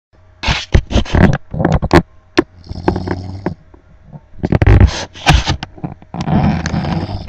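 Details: Husband asleep, heavy snoring: loud, irregular rattling snorts and fluttering snores in bursts with crackly flapping noises.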